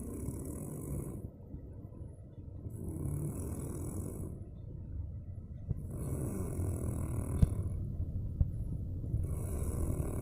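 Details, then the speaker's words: A person snores during sleep, and the snoring grows louder over time. "semakin lama semakin keras ya"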